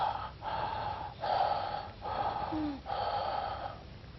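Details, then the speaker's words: Loud, harsh, hollow breaths with a clear gap between inspiration and expiration: bronchial breath sounds heard on chest auscultation, contrasted with softer vesicular sounds; typical over consolidation or fibrosis. "in contrast bronchial breathing bronchial bridge songs are much harsher and they sound somewhat like this"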